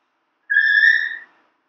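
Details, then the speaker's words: Endodontic motor (Endo Pilot with integrated apex locator) switched on with the power button after fitting the 360-degree rotatable head to the handpiece: a single steady high electronic beep under a second, the device power-on tone. "so we just start off by fixing the head of the ender motor to the hand piece and this is a 360 degree rotatable head and to turn the end motor on you press the power button on"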